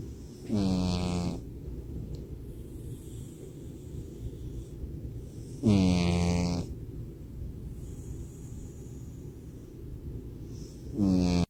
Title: Deep Sleep Snoring Cat 😴 #shorts #cat #snoringcat